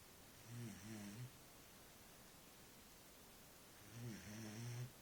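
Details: Dog snoring: two low, rumbling snores about 3.5 seconds apart, roughly 17 a minute, over quiet room hiss.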